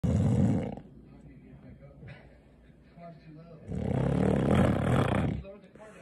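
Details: Woman snoring: loud, rough, engine-like rumbling snores likened to a diesel motor, with quieter breathing between them; heavy snoring.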